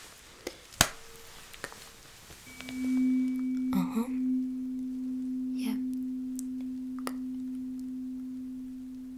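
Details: Simulated Rinne hearing test in an ASMR cranial nerve exam role-play: a tuning fork placed behind the ear gives a steady pure hum that slowly fades.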